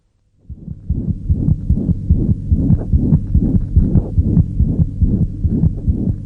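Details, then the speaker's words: Rapid, regular heartbeat with a low, continuous whooshing filling the gap between beats: a holosystolic murmur, from a paediatric heart auscultation teaching recording. "you hear this hollow systolic murmur in addition to the duration of a murmur we also judge its loudness on a scale of one to six"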